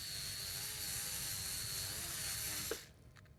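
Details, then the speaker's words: High-pitched steady whine of a surgical burr cutting bone, stopping abruptly near the end, run counterclockwise on quadrant two at the first metatarsal base during minimally invasive percutaneous Lapidus bunion surgery. "Now at this point I'm going to switch the burr rotation to counterclockwise as I do quadrant two, which would be opposite the direction of travel."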